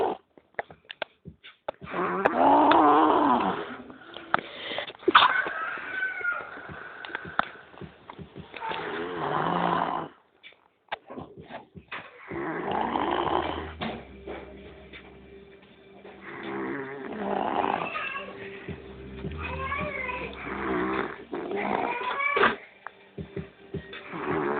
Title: El Ronquido :D